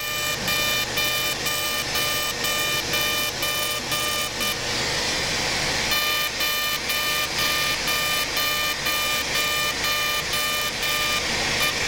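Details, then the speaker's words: Fully ablative CO2 laser single pass at 60 mJ density 5 on the upper eyelids, blending, during simultaneous facelift: regular high-pitched beeps about two a second with steady hiss and a brief pause. "I'm not really worried about we're not trying to address wrinkles here so much as just to blend everything in so our Central oov oval of the face which has not been undermined is lasered in the Trad traditional fashion"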